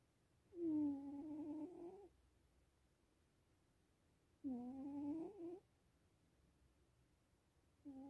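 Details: Cat sleeping and snoring gently: two drawn-out, soft, slightly tonal breath sounds several seconds apart in a quiet room.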